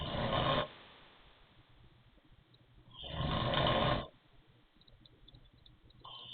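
Two loud, rough snores on breathing in, each lasting under a second, with a whistling, wheezy edge. Quiet breathing between them. Wheezy snoring.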